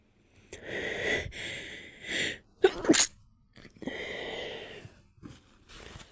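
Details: Stifled sneeze held in with the nose pinched: breathy, muffled bursts with a sharp squeezed release in the middle, then hissing breaths.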